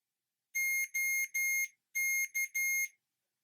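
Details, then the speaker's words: CADD Legacy PCA infusion pump switching on and running its self-test: six loud, high electronic beeps in two groups of three; power-on self-test beeps. "la pompe se met sous tension la pompe fait un rappel des dernières données enregistrées"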